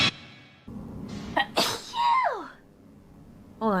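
A single sharp, explosive sneeze with a brief inhaled lead-in, followed by a tail of voiced sound.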